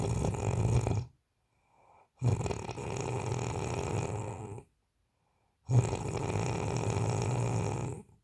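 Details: A person snoring in sleep: long, rough, rattling snores lasting two to three seconds each, with quiet pauses between, in a small room; loud snoring.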